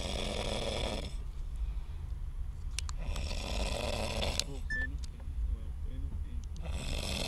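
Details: A man in a drunken stupor snoring while asleep in a car: loud, rough, low rattling snores in long bursts separated by quieter breathing, with faint background noise.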